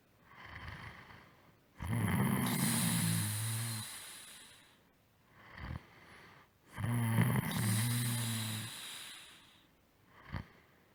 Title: Snore breakdown01